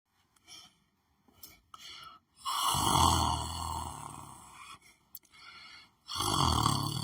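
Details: Person lying on the floor of their room, asleep: two loud, rough, rattling breaths with quieter breathing between; snoring during sleep.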